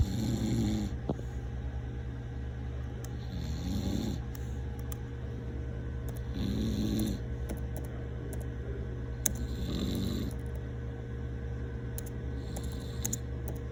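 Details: A father's low rumbling snores about every three seconds, roughly 20 a minute, over steady room hum and faint clicking; snoring.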